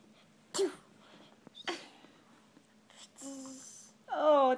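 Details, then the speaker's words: A child with a cold, per the mother, sneezes twice in sharp, brief bursts in a quiet room, followed by soft voices as the mother asks the child to wipe their nose; sneezing. "sir are you sneeing wipe your nose baby oh my goodness youve got a cold"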